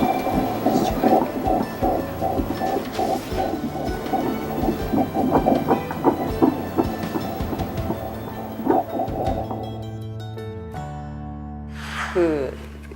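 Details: Rapid whooshing pulsations on ultrasound Doppler, about 160 beats a minute, fading into machine tones: a fetal heartbeat, said to be normal, heard during a prenatal ultrasound exam of a pregnant woman.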